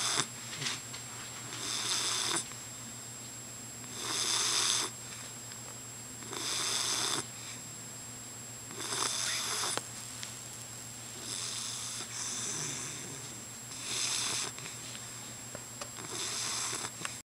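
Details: Hank, an English bulldog, snores loudly as soon as he falls asleep, every time: harsh, raspy noise on each breath, about 25 breaths a minute.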